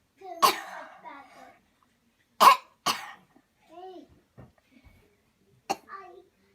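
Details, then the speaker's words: Voluntary cough during a demonstration of a cleansing-healing coughing technique: after paced breathing and a deep breath in, about four sharp, forceful coughs made on purpose, some followed by brief voiced sounds, separated by quiet pauses. "Okay, here we go. Breathe in deep, deep, deep, cough."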